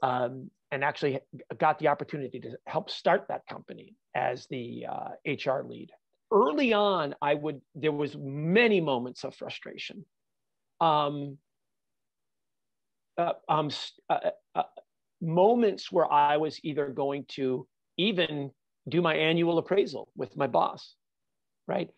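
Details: Adult man with stuttering, a fluency disorder since childhood; he says he stutters all the time, not only when nervous.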